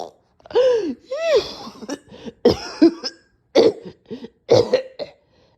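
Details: Person too weak to record, nasty coughing fit with choking: repeated strained, voiced coughs with gagging, whooping sounds between.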